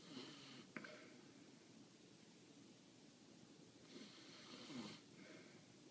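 Soft, airy snoring breaths with faint snorts from a sleeping puppy, in a quiet room.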